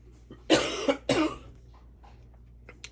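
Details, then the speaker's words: Two abrupt, harsh cough bursts in quick succession, then quiet room noise, from an adult woman with a bad cold and a hoarse voice. "y'all I have a cold you can tell by my voice probably so if I cough I am really sorry but I didn't want to go another day without doing this video"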